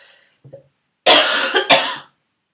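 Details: Barking cough during an illness, a throaty cough turning into barking for the first time; two harsh, forceful coughs after a brief throat sound.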